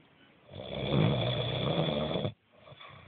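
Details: A man snoring: one long, harsh, rattling snore on a breath in, ending abruptly.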